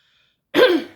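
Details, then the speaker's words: Single short, rough throat-clearing burst from an adult woman with a hoarse voice that morning, heard just after a cough. "Oui, j'ai la voix [raclement de gorge] enroué ce matin."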